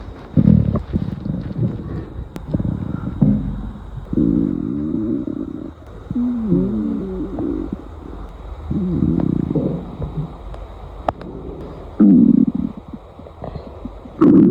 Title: Gurgling Sounds